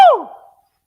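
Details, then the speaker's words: Adult's single abrupt, loud, voiced sneeze that fades within half a second, announced just beforehand while speaking on a sports talk show: a sneeze. "I don't know what the odds are that I'm going to sneeze, but I think they're pretty good. So give me a second."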